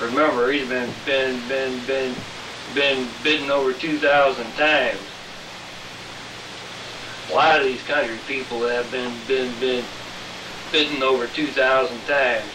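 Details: Man whose stuttering is attributed to Lyme disease, recurring when the disease returns; no medicine for about three weeks; also has arthritis; bitten by ticks over 2,000 times; stuttering.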